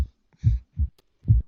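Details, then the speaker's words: Normal heart sounds through a stethoscope: low, soft, regular lub-dub at roughly 70 a minute, the sound of heart valves opening and closing as blood is pumped. "the we hear through the stethoscope is still the sound of valves opening and closing as blood gets pumped"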